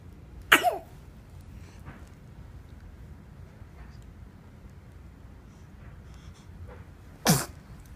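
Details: Baby gives two short, sharp sneezes several seconds apart over low background hiss; sneezing.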